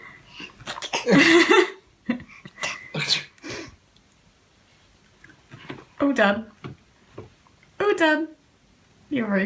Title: Baby copying sneeze | CONTENTbible